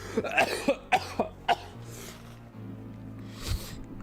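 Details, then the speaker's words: An adult man with bronchitis gives a run of five or six short, harsh coughs over game music. "so apparently it's really funny when i get my bronchitis cough while robot rap is going on"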